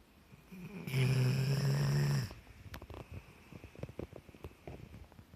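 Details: Black Labrador retriever sound asleep in a park amid noisy children: one loud, buzzing, low snore followed by quieter rough breathing noises; dog snoring.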